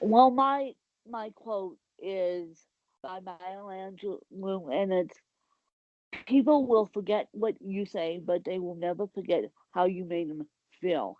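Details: Adult woman with cerebral palsy; the specific speech difference is not named; dysarthric speech in cerebral palsy.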